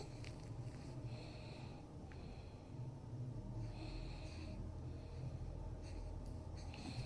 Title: Snoring mother makes baby laugh😂/खर्राटे लेने वाली मां बच्चे को हंसाती है